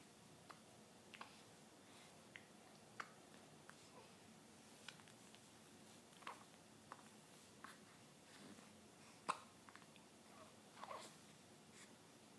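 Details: Nori, almost two weeks old, with hiccups: soft, sharp little clicks repeating roughly once a second in a quiet room, about a dozen in all.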